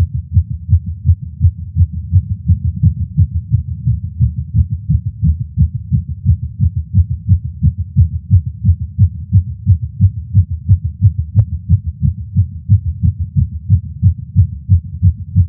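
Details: Rapid, regular, strong heartbeat thuds heard through a stethoscope from a male smoking a cigar after a long break and feeling lightheaded; tachycardia attributed to nicotine.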